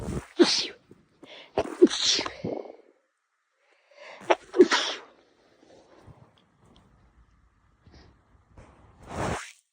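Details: Girl sneezing: two sharp sneezes, each with a quick intake and explosive burst, then a softer third sneeze; sneezing.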